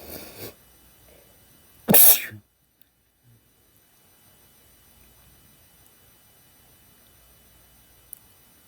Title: male sneezing